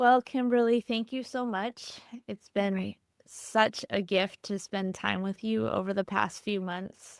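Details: Adult woman speaking; typical speech.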